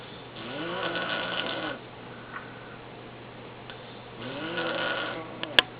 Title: Dad Snoring